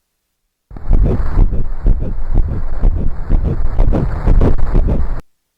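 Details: Fetal heartbeat on ultrasound Doppler in early IVF pregnancy, at the visit to hear the heartbeat after gestational sac and yolk sac checks: rapid, rhythmic whooshing thumps.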